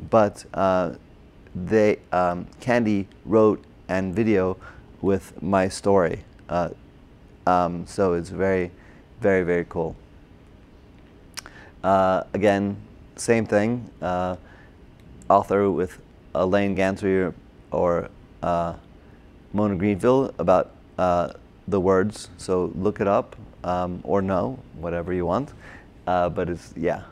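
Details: Adult man with aphasia from a stroke during heart surgery in 2007, about 10 years earlier, treated with OT, PT and speech therapy; difficulty with names, numbers, reading and writing; agrammatic with word-finding errors; Broca's (expressive) aphasia.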